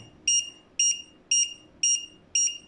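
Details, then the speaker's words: Five evenly spaced high electronic beeps, about 115 per minute, from a JZK301 fingertip pulse oximeter tested on the reviewer's own finger, SpO2 reading 99%; each beep marks a detected pulse. "tas yang dibawanya itu adalah bunyi detak jantung ya detak jantung ini yang normalnya harusnya kisaran 87-90 dari 80 mereka akan berbunyi seperti ini"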